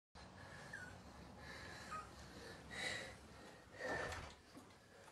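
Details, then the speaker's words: Acted demonstration of a child having an asthma attack: noisy, laboured breathing with faint whistling wheeze. "is having an asthma attack"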